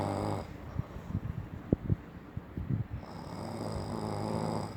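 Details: Loud, rough, low buzzing snores on the in-breath from a sleeping husband, separated by quieter pauses with soft clicks and rustling: heavy snoring.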